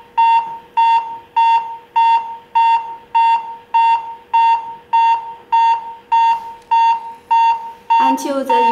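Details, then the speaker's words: AED trainer demonstration after a delivered shock, prompting CPR of 30 chest compressions and two mouth-to-mouth breaths per cycle: steady, evenly spaced metronome beeps at about 100 per minute pacing compressions. "take dirty chest compressions and two mouth-to-mouth breaths then repeat the cycle business the patient's new cpr the emergency staff how to follow this rhythm to do cpr on the patient"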